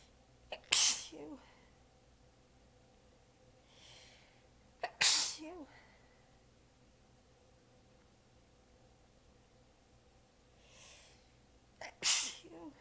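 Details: Three partly held-back sneezes, each after a quick catch, with soft breaths between. A tired, ongoing sneezing fit; the person is exhausted with sore abs and biting the sneezes back.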